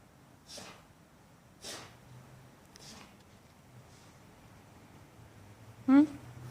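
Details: Pet having a bout of repeated sneezing: several short, sharp nasal bursts of air at irregular intervals, then a brief vocal squeak; snorting and sneezing.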